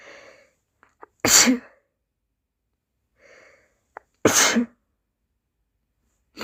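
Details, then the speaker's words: Two forceful dust-triggered sneezes about three seconds apart, each preceded by a soft indrawn breath, in a quiet room. "hi guys today I got some dust sneezes for you so let's"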